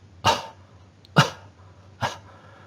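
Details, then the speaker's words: A demonstration of the huff in the forced expiratory technique: after a deep breath to mid lung volume, three short, forceful open-glottis breath bursts push air out to move phlegm. "here you can see a person performing the half it will be like taking a deep breath to mid lung volume and then with open clothes half the air out"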